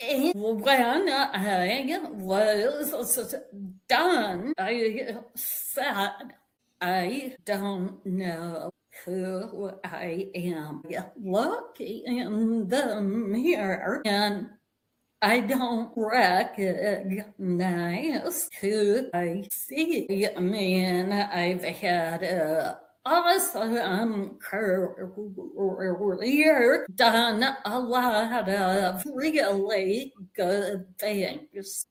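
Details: Vocal tremor in a woman; said to have developed as a physical manifestation of decades of narcissistic and emotional abuse that began at age five.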